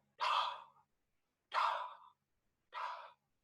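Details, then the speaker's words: Voice imitation in a cardiovascular examination lecture of the early diastolic murmur of aortic regurgitation: three soft, breathy, blowing sounds, each fading away. It is heard best in the "sash" area, from the aortic area to the lower mid-left sternal edge. "So it's heard best in this sash area. It is a it is a early diastolic murmur."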